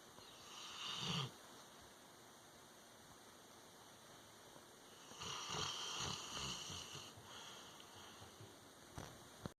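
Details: Tucker snoring like an old man: two rough, rattling snore breaths about four seconds apart, separated by quiet, over a faint steady hum.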